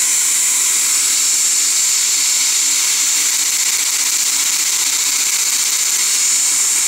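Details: Laser-assisted root canal on a lower bicuspid (laser access, caries removal, debridement and decontamination): steady high-pitched hissing buzz with rapid faint pulsing from the dental laser in use.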